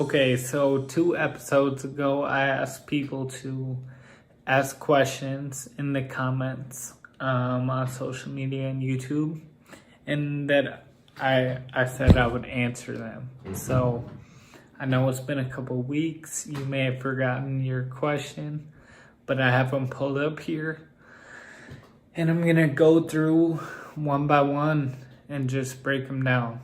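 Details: Adult man with Friedreich's ataxia whose speech has become increasingly impaired over time; ataxic dysarthria.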